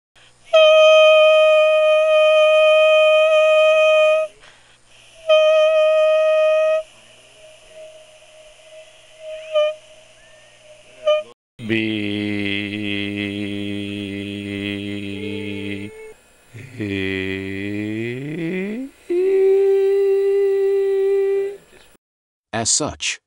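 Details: Soft falsetto sung glides in a vocal cord swell test by individuals with vocal cord bumps of various sizes (possibly nodule, cyst or polyp); pitch breaks and onset delays, with a higher break note meaning a smaller bump.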